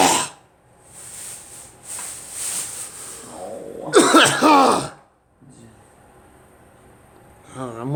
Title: Me coughing